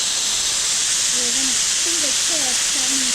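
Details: Magnetostrictive ultrasonic scaler used on a typodont, mandibular anterior sextant, with the operator seated at 9 o'clock and the tip face and lateral side adapted: a steady high hiss of water spray with faint brief chirps from the tip against the teeth.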